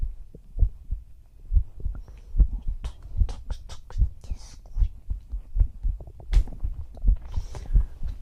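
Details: Female ASMR roleplay, listener's ear on her chest while lying together whispering: regular soft low thumps at about 76 a minute, with faint rustling and handling noise; normal heart sounds.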